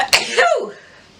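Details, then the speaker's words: Single sharp sneeze from an adult woman after sniffing flowers dusted with white pepper: brief inward breath, then a forceful burst through nose and mouth that trails off. "so let's see if i can get some sneezes out of this oh i'm gonna sneeze"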